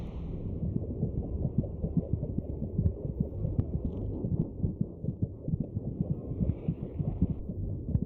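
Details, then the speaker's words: Muffled deep whooshing throbs beneath a steady low rumble: the mother's heartbeat, blood flow and gut sounds as heard by the fetus through amniotic fluid inside the womb. "A cacophony of sloshes, beats and burps mark the passage of food, blood and air, in and out through the maze of passages and tubes, just inches from the baby's ears."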